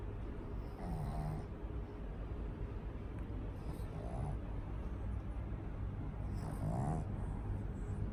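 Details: Loud, rumbling snores with nasal snorting on each breath from a sleeping pug, over steady low background noise; heavy snoring in a flat-faced dog.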